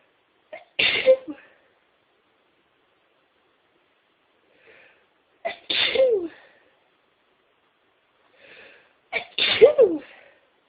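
Three sneezes, each a brief intake of breath followed by a sharp burst with a voiced tail, spaced a few seconds apart in a quiet room.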